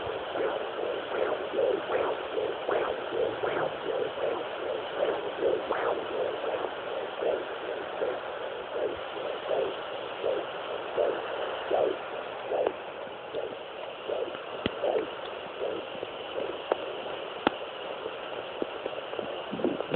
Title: Fetal doppler sounds